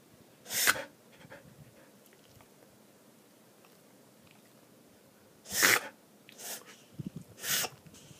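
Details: 7-year-old basset mix dog with an unexplained cough, recorded at 9:30 pm: four short, harsh, noisy expiratory bursts, widely spaced with quiet room noise between, a dry cough.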